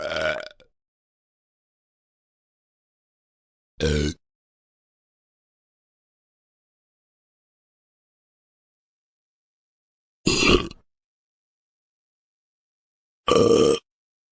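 Four separate short burps with silence between them, from a sound-effect recording.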